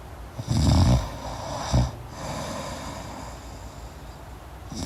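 A deep, low, rattling snore on inhalation with a shorter snort after it, then quiet breathing against soft room hiss: ordinary snoring in sleep.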